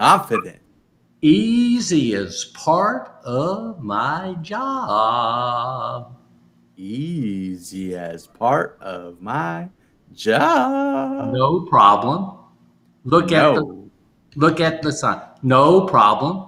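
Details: Adult man; aphasia.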